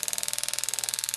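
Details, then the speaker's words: Powertome powered periotome sweeping at the distobuccal line angle of a canine on a training model: rapid high-pitched mechanical tapping buzz loosening the tooth for extraction before an implant. "you can even tell the difference in the noise so just keep sweeping back and forth"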